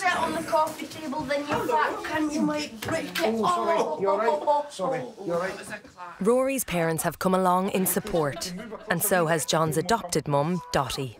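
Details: Adult narrator; normal adult speech.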